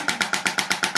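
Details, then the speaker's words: Shockwave therapy for tennis elbow in a male patient with thickened distal forearm tendons; pressure set about 100–110, high frequency. Sharp, rapid mechanical taps at about eight per second from the shockwave device firing. "with the shockwave you can go reasonably high on the pressure so I would say hundred hundred and ten let's just sort of set and I go quite high in the frequency"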